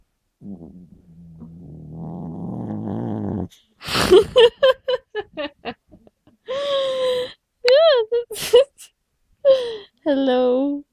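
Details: Chihuahua snoring in the middle of the night: a low, rattling snore for a few seconds, then a person calling out greetings.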